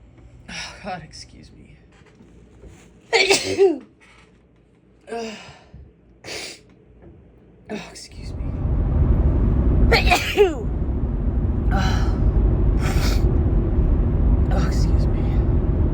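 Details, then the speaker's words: Several forceful sneezes with sharp gasping intakes, in a quiet room and later with background rumble; repeated big sneezing in a female, suspected grass pollen allergy. "Oh, it was a big sneeze, holy shit."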